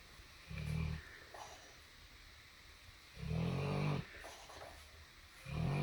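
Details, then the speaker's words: Dog named Lola snoring while asleep: low, rumbling snores, three with quiet gaps between them. "Because you were snoring like a fatty. And then he woke you up."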